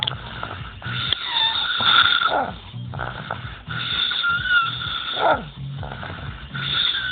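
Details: A friend's snoring: loud rasping, whistling snores every couple of seconds over a steady hum from a fan or similar device.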